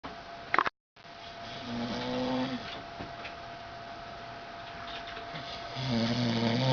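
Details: Adult man (the uploader's dad) snoring while asleep: low rumbling snores recurring over steady room noise, with a short gap near the start; snoring.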